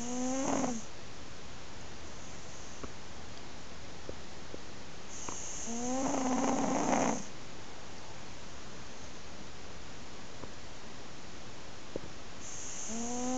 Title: Snoring cat!